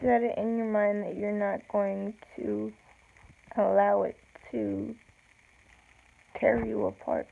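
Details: Woman with self-reported cerebral palsy, no specific speech disorder named; slow speech with long pauses; speech of a person with cerebral palsy.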